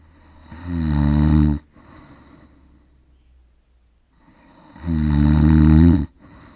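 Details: Two loud, rough, buzzing inhaled snores about four seconds apart, each followed by a softer exhale, from a sleeping adult man in a quiet room, recorded with a Zoom H4n: heavy snoring.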